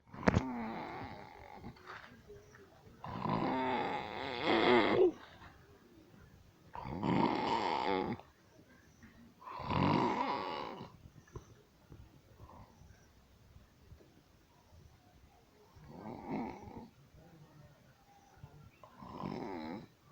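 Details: Person performing exaggerated, acted snoring on a comedy film set: loud, rattling snores roughly every three seconds alternating with quieter breaths; simulated snoring.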